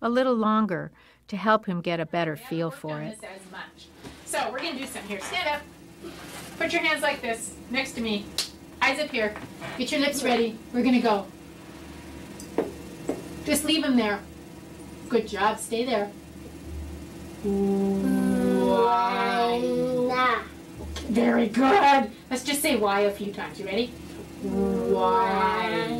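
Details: Adult woman speaking to a child; normal speech.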